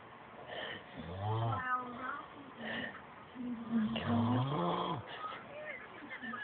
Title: snoring